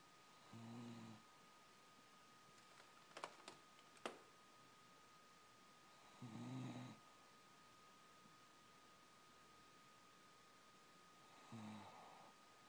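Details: Snoring while asleep on a kitchen rug: three low, rattling breaths about five to six seconds apart in a quiet room with a faint hum.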